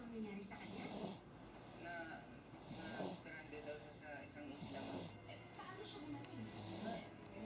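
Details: Snoring in a sleeping baby, presented as a symptom: regular snoring breaths with a hissy, wheezy edge, about 30 a minute, noisy breathing.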